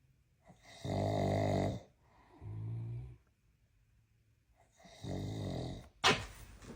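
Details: Large Mastiff dog snoring: loud, regular rattling snores on each breath with quieter breathing between, then a snort.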